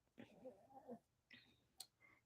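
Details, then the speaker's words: Snoring/snorting in a small flat-faced brachycephalic dog: short, noisy snorting breaths typical of a narrowed upper airway. "you hear that snoring that's the little Choo chickens um she's a brachiocephalic dog flat face so she snorts a lot"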